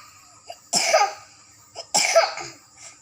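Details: A 5-year-old girl reciting Quran during a memorization test gives two separate harsh cough bursts about a second apart, each preceded by a short in-breath: a plain cough in a child.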